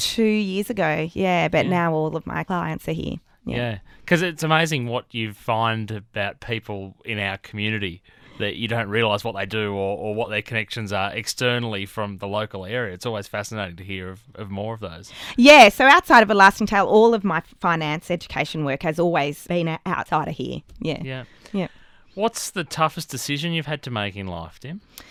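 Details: Adult interviewer in conversation; typical speech.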